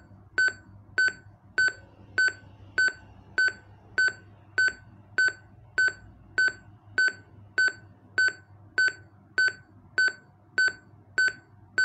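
Steady electronic beeps at about 100 a minute, an AED metronome pacing chest compressions during CPR.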